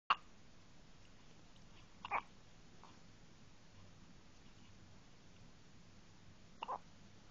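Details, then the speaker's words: One-day-old newborn boy with hiccups: brief, sharp hiccup sounds at irregular intervals against quiet room noise; he opens his eyes at one big hiccup. "of the hiccups already. Just one day old. Think they're done? See it in a big one. He even opened his eyes for that one."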